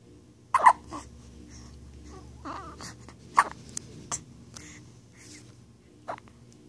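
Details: Short sudden catching squeaks at irregular intervals in a quiet room: hiccups in a 9-day-old newborn girl, common and harmless.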